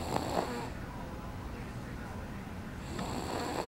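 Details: A person snoring: low, rough snoring noise at the start and near the end, with a steady breathy hum between; ordinary snoring.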